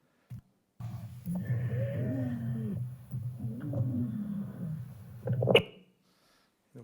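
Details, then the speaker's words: Wheezes (sibilant rhonchi): musical, whistling wheezes of shifting pitch over low breath noise, recorded during lung auscultation with a connected stethoscope for teleconsultation. "là de nos données vous aurez reconnu facilement des six bilans sur cette ce petit passage audio"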